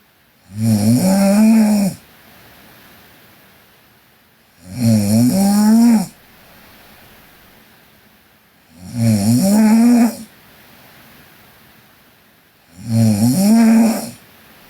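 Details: Four loud rattling snores on inhalation at about 15 breaths a minute, with quiet exhalations between; regular snoring from a sleeping Korean girl.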